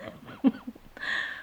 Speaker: oh my God you can hear my weird cough look I'm a little bit in the wars at the moment